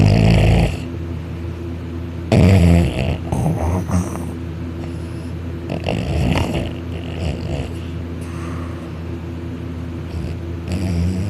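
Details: Loud, rough snoring bursts recurring with breaths over low room hum, from a male napping on a couch on his back, arm over head, mouth open, drooling.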